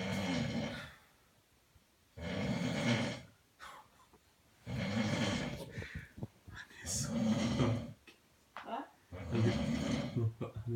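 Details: Person snoring loudly in sleep: loud, rough, rattling snores repeating about every two to three seconds, with snorting breaths between them. Heavy snoring.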